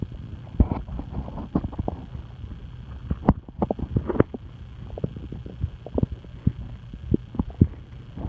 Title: Stomach noises